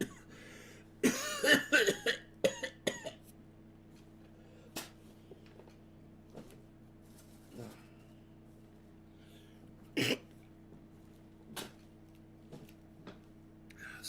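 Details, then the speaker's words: Adult smoking cannabis dabs who first blamed the smoke but thinks they caught a cold, possibly from their puppy; a burst of several harsh coughs, then scattered single coughs and throat sounds over a steady room hum. "my god I thought I I thought it was the smoke that was [ __ ] me up but I think I actually got a call"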